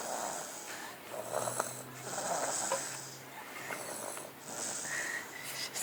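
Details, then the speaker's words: Sleeping baby passed out in a truck: soft, rapid, fluttering noisy breaths in repeated cycles, purr-like like a sleeping cat; infant snoring. "like a cat you know how cats PR when they [Applause] sleep"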